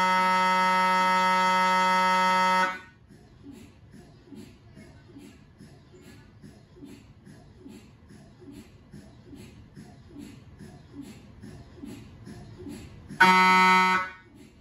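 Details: MRI scanner noise recorded inside the scan room of a GE 1.5T or 3T system: loud steady buzzing tones at start and end, with quieter rapid knocking between, typical of a scan sequence.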